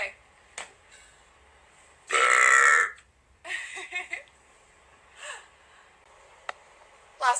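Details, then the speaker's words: Deliberate, voluntary burps made on request during a live stream: a loud, drawn-out voiced burp under a second, then a shorter rumbling one, in a quiet small room. "please okay there you go make another Bert please you really like my burps don't you"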